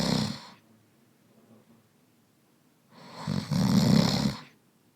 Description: 13 snores of a man asleep in a row.